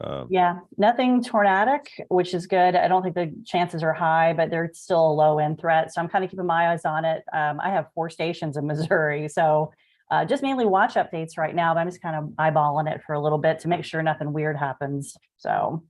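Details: Adult woman speaking; Normal speech.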